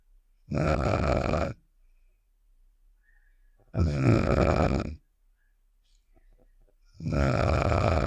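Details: Game sound effect of the character Star snoring (Save The Shapes), simulated: three evenly spaced, loud, rattling snores about a second long, roughly 19 a minute, with silence between.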